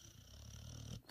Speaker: listen to this my dog snores like a cartoon